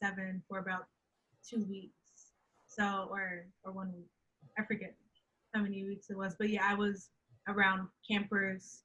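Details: Woman who stutters, who says she knows how to hide her stuttering well, speaking in a podcast interview: stuttering.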